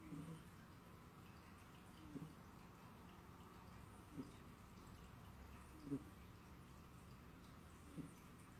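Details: Snoring from a sleeping cat: soft, brief low snorts recurring about every two seconds, roughly 29 a minute, over quiet room noise.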